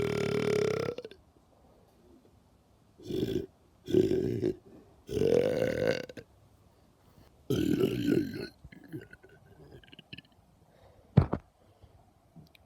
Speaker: I thought while I was here I might as well record another video where I burped because people like it a lot